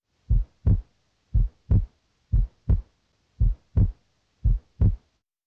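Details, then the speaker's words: Physiological split S2 heard in the pulmonic area toward the end of deep inspiration as aortic and pulmonic valves close apart: steady heartbeat near 57 a minute with a subtly doubled second sound. "in the pulmonic area you normally may hear a split as to toward the end of inspiration because deep inhalation prevents the aortic and pulmonic valves from closing at the same time a split s2 sounds like this"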